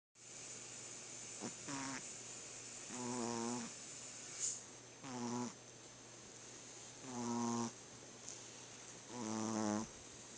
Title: My Diego gettin his sleep on, dogs snore too... lo